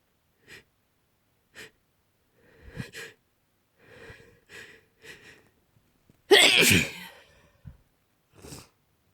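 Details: Sleepy person sick with a cold, having a sneezing fit: a run of sharp, sniffly bursts with one loud, full sneeze partway through.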